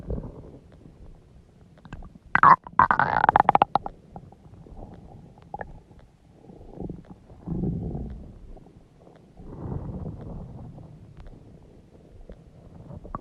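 Loud, irregular gurgling and rumbling from the stomach, with bursts of bubbling; ordinary bowel sounds, stomach growling.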